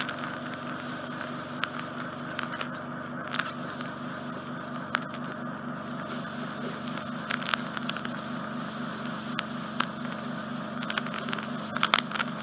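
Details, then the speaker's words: Endoscopic ear microsuction of soft, slushy impacted wax in a nervous, anxious man with an unusually shaped ear canal: continuous loud suction hiss with scattered sharp crackles and pops as wax is drawn through. "let's get this out do it's quite slushy"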